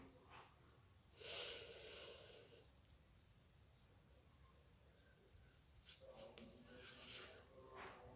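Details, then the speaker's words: Nursing student demonstration of diaphragmatic breathing before effective coughing, one hand on chest and one on abdomen: two slow, deep, airy breaths in a quiet room. "Adapun teknik batuk efektif yaitu pernafasan diafragma dan Disini saya akan mempraktekannya satu tangan di atas dada dan satu tangan lagi di perut"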